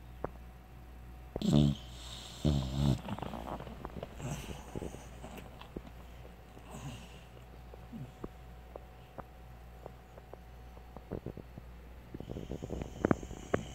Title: American Bull Dog Puppy Snoring In Her Sleep